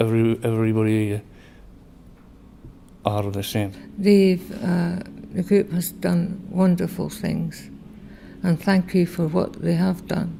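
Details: Real person describing their own aphasia, a condition described as following a stroke or brain injury, with difficulty finding words; aphasia.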